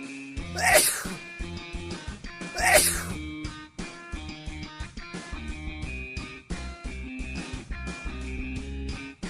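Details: Two loud, exaggerated sneezes over loud background music, staged as a hidden-camera "Super Sneeze" prank in a shopping mall; simulated sneezing.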